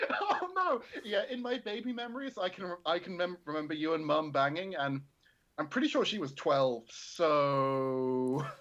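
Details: Adult male speaker; ordinary speech.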